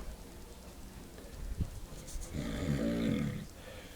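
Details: Father snoring very loudly: a loud, rough snore on an inward breath after a quieter stretch of low breathing noise; ordinary heavy snoring.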